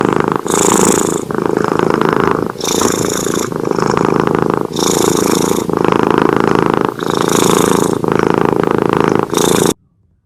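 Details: Loud, continuous rough snoring from a sleeping cat, rising and falling with each breath.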